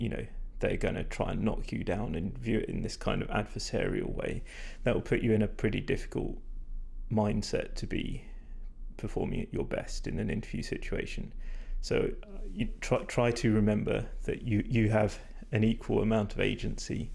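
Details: Male speaker with vocal fatigue from prolonged talking without drinking enough; he describes his voice as degraded, stressed and not at its peak condition.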